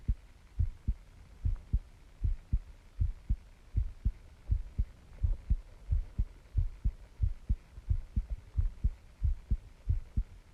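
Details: Self-recorded heartbeat while the person feels the heart pounding: steady, regular low thumps at about 90 beats a minute over quiet background hiss; an ordinary heartbeat.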